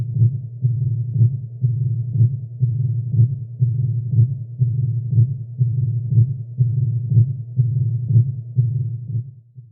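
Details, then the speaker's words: Mitral stenosis: regular heartbeat near 61 per minute with an accentuated loud first heart sound. "el primer ruido casi siempre está aumentado en intensidad Aunque en caso leves puede escucharse normal"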